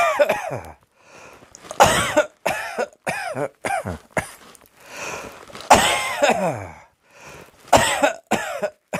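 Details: Repeated voiced coughing in two short fits, roughly a dozen coughs, with quiet breaths between.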